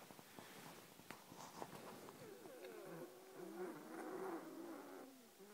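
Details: Own wheezing while lying down at night, recorded on a mobile phone: musical, whistling tones run through the breathing, a wheeze from air squeezing through narrowed airways.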